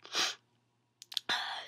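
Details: A person gives a sharp, hissing sneeze burst, pauses, takes a few quick catches of breath, then gives another forceful burst; repeated sneezing.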